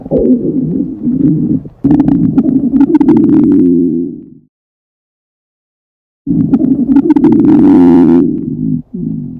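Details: Girl on a diet holding back hunger: two long, loud gurgling, bubbling stomach growls separated by a pause; hunger borborygmi of an empty stomach.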